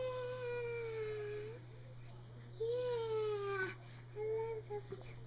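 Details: Three long, wailing cries with gently falling pitch, separated by pauses, over a steady low hum: an infant crying; a young child in the recording is said to have a fever.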